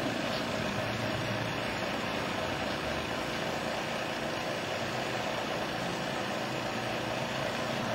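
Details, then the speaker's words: A suction machine placed on a flat sturdy surface, switched on with the vacuum turned up to high, gives a steady droning motor hum with a low rumble; the suction machine motor running. "with the unit running you want to adjust the vacuum now to hide until it stops you'll see low and high the unit running you want to run it too high until it stopped"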